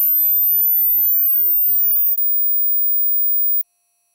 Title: Hearing Test